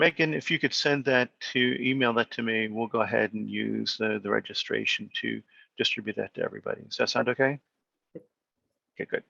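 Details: Adult speaker; Normal speech.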